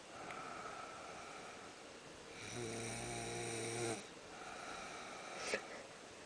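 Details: Snoring: a single loud, buzzing, vibrating breath lasting about a second and a half over room hiss, recorded in the afternoon after a tiring morning.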